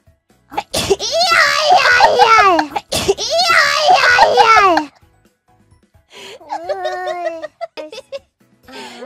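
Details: VTuber sneezing on New Year: two loud, high-pitched sneezes in quick succession, then a softer vocal sound.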